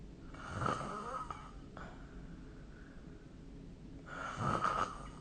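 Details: Snoring during sleep recorded with the SnoreLab app: two rough, rattling breath sounds a few seconds apart over low room noise.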